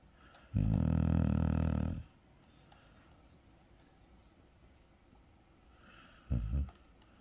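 A dog gives a long, loud, rumbling snore, then a short quieter snort after a pause; ordinary snoring.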